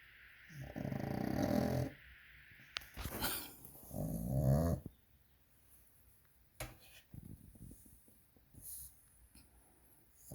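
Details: A small dog gives two loud, rough, rattling snores on in-breaths with quieter breathing between, in a small room: loud snoring.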